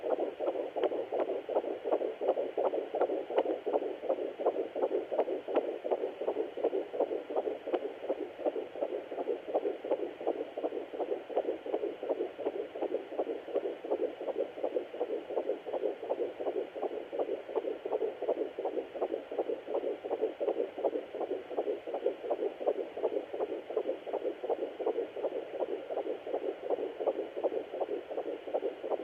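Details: Fetal heartbeat on a Sonoline B fetal Doppler at 13 weeks 1 day of pregnancy: rapid, regular whooshing at about 165 beats a minute, a normal first-trimester rate.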